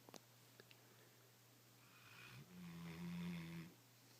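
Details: Snoring from a sleeping female Swissy dog: one low, rumbling buzz on a drawn-in breath, then quiet, in a quiet room.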